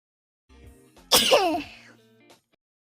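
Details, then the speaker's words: Person sneezing among friends: a single loud sneeze burst with a voiced tail, quiet murmuring before and after. "Oh. Nice, Ron. I sneezed. Oh, I'm not allowed to sneeze."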